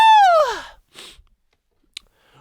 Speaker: Oh, no. Wait, I got to sneeze.